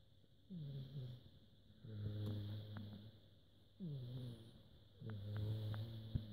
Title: Snoring Rocky